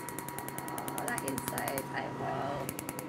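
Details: Fast, regular snapping clicks, roughly ten a second, from a pulsed laser, with a hum and faint voices behind, during a woman's painful first tattoo removal session of about 15 minutes; tattoo removal laser firing.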